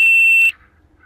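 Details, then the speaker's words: Single loud high-pitched electronic beep about half a second long from an IoT heart rate monitor buzzer, triggered when removing the finger from the sensor simulated a heart rate of zero, below the safety threshold; low heart rate alarm. "the next hardbeat that was recorded by the system that is zero and uh this is uh below the allowed rate or the permissible rate or the safety line and thus as you can see it send the data accordingly to be on line system and sounded a buzzer"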